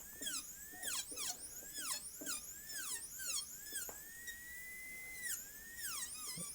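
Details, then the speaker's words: Dental drill with chamfer or torpedo diamond, whine rising and falling in short bursts, refining the functional cusp bevel to 1.5–2 mm reduction, gold onlay preparation of tooth #18 on a typodont in a simulation lab. "a diamond out we're going to start working inward it really wouldn't matter whether you wanted to use your torpedo diamond that's a reasonable one to use here to start refining this"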